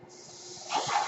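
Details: Mechanical ventilator breath cycle from a podcaster's ventilator: a soft steady hiss rising into louder rushing airflow as a breath is delivered.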